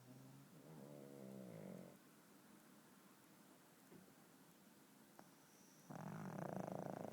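Low, fluttering snores from a sleeping small dog, with quiet breathing between them.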